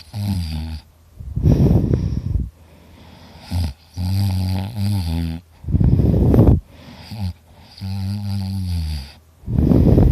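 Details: Person recording their own heavy snoring while very tired: loud, deep, rumbling snores every few seconds, with rough, vibrating breaths in and out.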